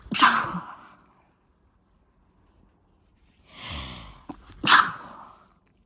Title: Chhinkni Sneezes 6 (nb)